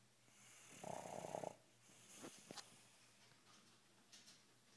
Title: Snoring...